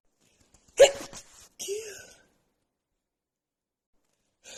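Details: Woman sneezing repeatedly after about an hour outside in snowy cold, nose runny, with dust also blamed: one forceful sneeze with a sharp burst and sighing breath after, another sneeze starting.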